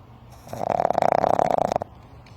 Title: Happiness is a snoring puppy.